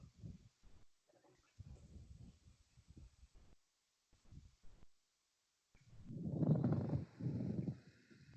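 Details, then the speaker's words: Pleural friction rub, presented in a chest-pain semiology class as characteristic of dry or fibrinous pleurisy: low, rough, grating creaks that come in bursts with the breaths. "En la siguiente diapositiva traje cómo se escucha un frote pleural que es característico de la pleuresía seca o fibrinosa."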